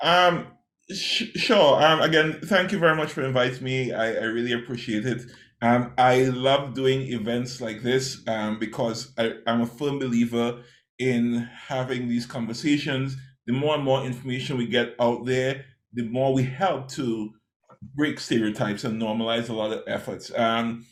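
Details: Adult male speaker; normal speech.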